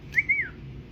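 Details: A whistling vocal tic of Tourette syndrome during a chemistry class: a sudden brief high whistle, rising then falling, that breaks through the quiet room while a lecture continues.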